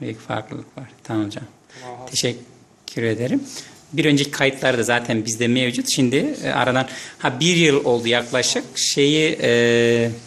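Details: Adult male speaker; normal speech.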